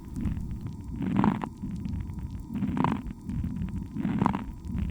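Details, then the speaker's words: Abnormal lung sounds recorded with an electronic stethoscope, noise-cleaned: repeated breath sounds with short popping discontinuous crackles riding on each breath. "でももし呼吸器に異常があると、こんな混ざった音がすることがあります。プツプツと聞こえるのは断続性ラ音と呼ばれる異常音の一種です。"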